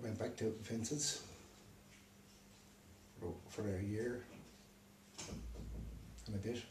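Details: Man with aphasia after a stroke, left unable to read or write; aphasia.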